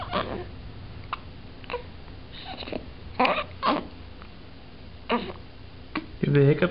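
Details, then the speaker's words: Child with a case of the hiccups: brief, abrupt voiced catches recurring about every second in a quiet room with faint talk; hiccups. "you have the hiccups?"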